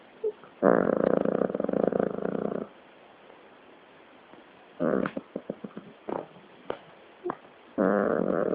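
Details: Dog making a noise the owner questions might be snoring: loud buzzing snorts of about two seconds, with quieter short snuffles between them; snoring-like breathing.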